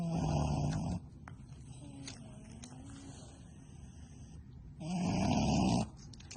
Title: Cute Micro Pig Snoring